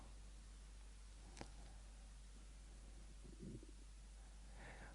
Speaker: Can you hear my stomach gurgling? Wow.